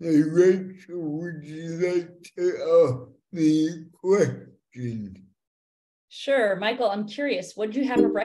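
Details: Dysarthric speech in a multilingual young woman born with cerebral palsy (congenital) that has affected her speech; she uses a speech recognition app to communicate.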